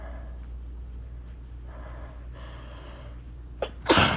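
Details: Person already tickly, recorded by phone during a rainstorm: quiet breathing with a sharp intake, then a loud explosive sneeze at the end; normal sneeze.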